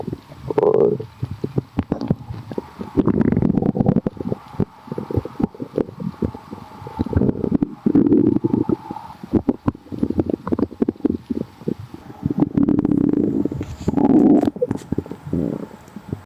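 Loud, frequent gurgling and bubbling stomach growls in repeated waves, typical of active bowel sounds.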